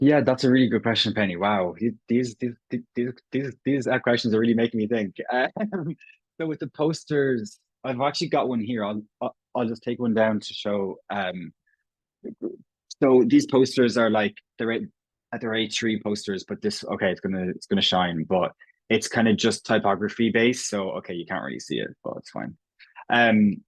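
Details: Irish adult man, a proud person who stammers, speaking in a stammering pride discussion group; stuttering.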